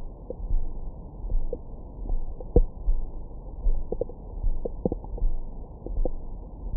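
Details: Low rumbling over the belly with scattered brief gurgles and squeaks, recorded with a Stemoscope stethoscope microphone after eating a large meal for ASMR: active bowel sounds, stomach growling.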